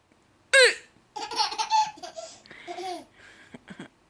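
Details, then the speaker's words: A grandmother's short sharp hiccup-like gasp, then her baby granddaughter's bubbly laughter; an adult's hiccup answered by giggles; hiccups. "how am I get rid of my hiccups should I hold my breath you think it's funny that grandma's got hiccups"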